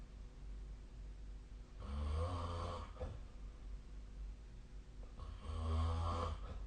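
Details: Snoring during sleep, recorded on 2025/01/21.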